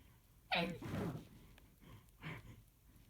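A sharp, muffled sneeze burst followed by a softer second sneeze in quick succession, in a quiet room.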